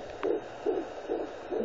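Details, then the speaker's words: Fetal heartbeat on a home Doppler used by the pregnant mother on her stomach: rapid, regular whooshing pulses at about 140 beats a minute. "so you guys are wondering what that sound is um that's the baby's heartbeat so i have"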